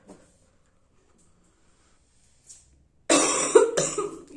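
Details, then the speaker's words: Cough during a sneezing challenge after sniffing pepper and snuff: quiet, then a sudden loud, harsh burst of two coughs instead of a sneeze. "இருமல் தான் வருது, தும்மல் வரல."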